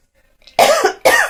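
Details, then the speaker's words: Adult woman, ill, with a rare but dry cough: two short, harsh cough bursts without wet or rattling sound; dry cough. "мне сейчас сухой кашель такой редкий но сухой"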